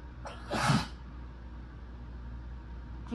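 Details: Sneeze from a person who is sick, during a strong sneezing fit: one forceful sneeze with a sharp burst of air, then quiet room noise.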